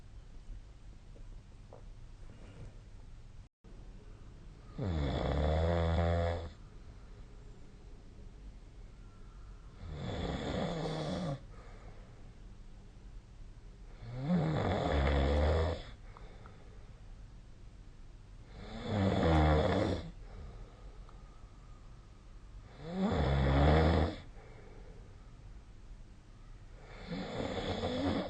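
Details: Sleeping adult snoring: loud, rhythmic snores, about six in under half a minute, with quiet pauses between.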